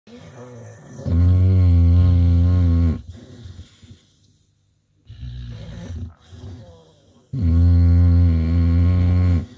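Loud, deep, rattling snores on two long breaths, with quieter snuffling between them: heavy snoring in a short-nosed dog.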